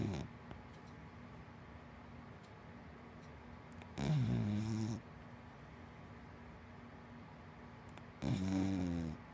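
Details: Two low, rumbling snores about four seconds apart from a sleeping big black dachshund–black Labrador mix dog over quiet room noise; dog snoring.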